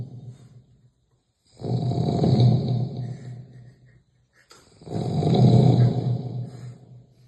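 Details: Heavy snoring: two heavy, deep, rattling snores about three seconds apart.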